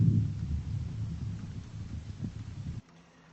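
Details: Soft, low, muffled rustling airflow over the left lower back along the scapular line, fading out; normal vesicular breath sounds at symmetric points.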